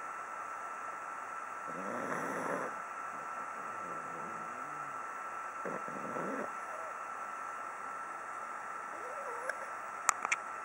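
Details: Snoring from a pug dog.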